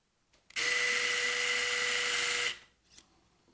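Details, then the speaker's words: Powered wire driver during medial malleolus fracture fixation with a hook plate: a steady high-pitched whine of about two seconds as a K-wire or olive wire tacks the plate to bone after X-ray confirmation. "once confirmed under x-ray you can tack this thing back down to the bone again once using an A K wire or an olive"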